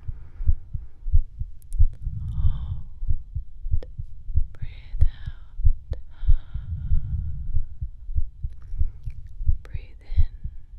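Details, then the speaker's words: Steady low heartbeat thumps at about 94 a minute through a stethoscope, with slow breaths between; real heartbeat sounds in a medical role-play recording, normal heartbeat. "We're going to do some stuff with the stethoscope. So, I'm going to listen to your heart."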